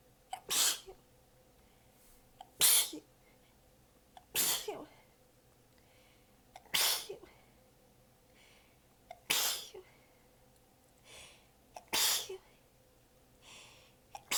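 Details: Seven sneezes in a row, some weak and partly held back, with breaths between; the person was exhausted with sore abs and biting them back during a massive fit. Sneezing fit.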